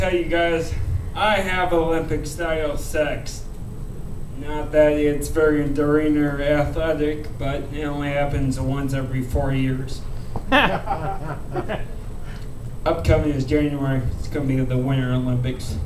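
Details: Speech of a man who reports a rare disease he calls cerebral ataxia; ataxic dysarthria.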